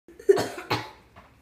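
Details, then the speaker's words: Young boy imitating a cough on purpose: two quick, forced cough sounds. "it was a coughing sound too many weird boy noises in this house jax"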